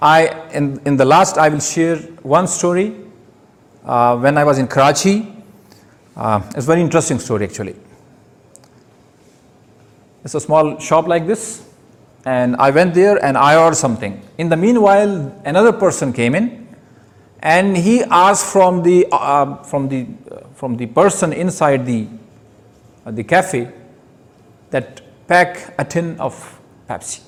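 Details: Stuttering with phrase repetitions in an adult male giving his first public speech at a Toastmasters club.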